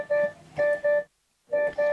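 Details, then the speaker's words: Welch Allyn Connex Spot Monitor sounding its alarm when a patient's vital signs fall outside set limits: repeating pairs of clear electronic beeps with a short pause; a patient monitor warning tone. "the monitor will alarm when a patient's Vital Signs measurements fall outside of set alarm limits there are high and low priority alarms when an alarm is triggered the relevant tile is highlighted and a warning tone sounds"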